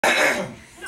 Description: My new granddaughter startles when she hears her great grandfather clear his throat, then she sneezes, then she cries.